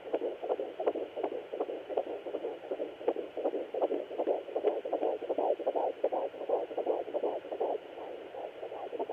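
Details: Fetal heartbeat at 13 weeks 1 day on a Sonoline B handheld fetal Doppler: rapid, regular whooshing pulses at about 160 a minute over a steady hiss, sounding perfect.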